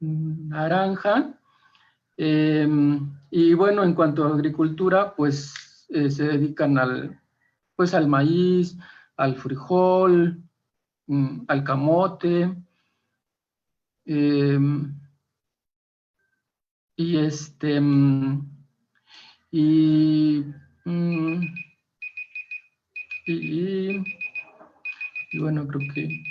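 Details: Stuttering in a Mexican man in a stuttering group's public-speaking practice; this stretch has fillers, repetitions and pauses.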